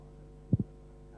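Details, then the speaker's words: First heart sound in a 1976 auscultation training film on transposition of the great arteries: a single low thud of two close parts, mitral closure (M1) preceding tricuspid closure (T1) as normal. "This is associated with the production of the mitral, M1, and tricuspid, T1, components of the first sound. As in the normal heart, M1 precedes T1."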